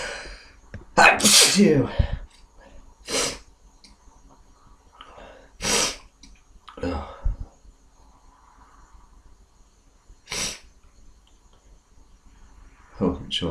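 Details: A run of about five forceful sneezes with quiet pauses and soft breathing between them, deliberately induced by an adult who currently has a cold.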